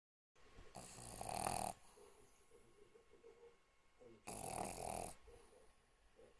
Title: Snoring Pug